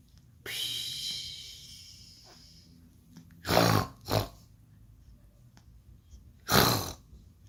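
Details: A baby snoring: a long hissing breath, then three short, harsh, irregular snorting bursts in a quiet room.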